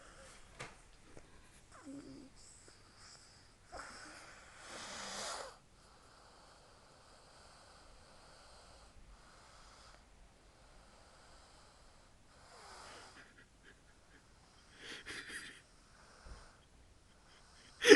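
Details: Female sleeper snoring: quiet, hissing snores spaced well apart, with faint room noise between breaths.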